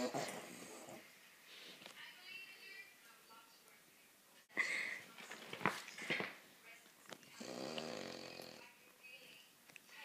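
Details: Very loud snoring from a sleeping dog: rattling snores on inhalation with whistling, snorting exhalations; snoring.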